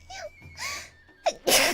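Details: A Vtuber (Hololive) sneezing six times in a row: quick high-pitched squeaky sneezes building to a final louder, forceful sneeze; sneeze.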